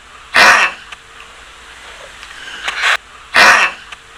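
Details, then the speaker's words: Dog making three loud, harsh honking bursts within about four seconds, a goose-honking sound like that heard with tracheal collapse, easily confused with reverse sneezing or snoring; goose honking cough. "대표적으로 기관 허탈이 있을 때 기관이 무너지기 때문에 이런 소리가 들릴 수 있는거죠 Goose Honking이라고 하는 거위 울음소리같은 소리가 들리게 되는데 이거랑 역재채기랑 헛갈리시는 분들이 많고 코골이랑도 헛갈리실 수 있을 것 같아요"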